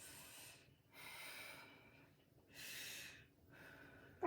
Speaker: vesicular and two more spots okay lungs are clear to auscultation no adventitious living sounds such as crackles are wheezing to be noted